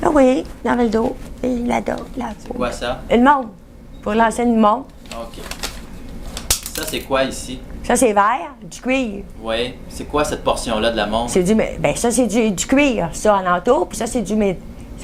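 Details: Woman examined in a neurology aphasia assessment during a picture description task, with fluent mixed aphasia involving paraphasias and expressive difficulty, with words roughly understandable; mixed aphasia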